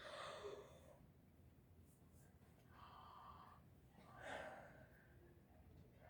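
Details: Stethoscope auscultation of the anterior chest near the clavicle in a female patient, head tilted back: normal breath sounds.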